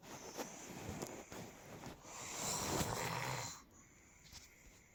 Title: Snoring part 2